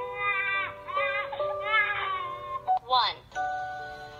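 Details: Recorded infant cry bursts with high, wavering pitch played through a speaker to demonstrate a GPCM1 voice-recognition baby-cry detector, followed by steady electronic tones; infant crying.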